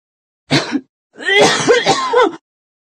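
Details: A short, harsh cough followed by a rapid run of about four voiced, throaty coughs in close succession, recorded on a Google Pixel 4a.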